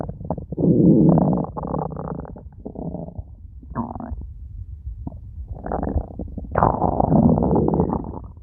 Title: Special Stomach Growl!